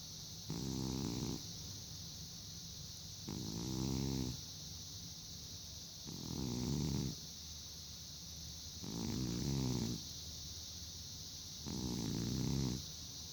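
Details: Old arthritic cat sleeping soundly on a heating pad, snoring and dreaming: rhythmic rumbling snores about every 2.8 seconds over a steady hiss; ordinary snoring.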